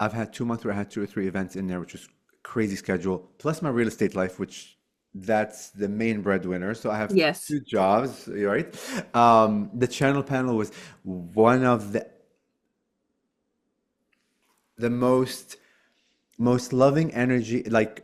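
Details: Stuttering in an adult man since childhood, still present. He uses filler words like 'like' to avoid blocks. He had therapy and breathing work with partial improvement.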